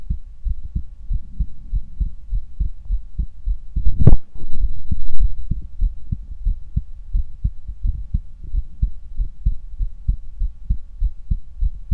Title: Heart Auscultation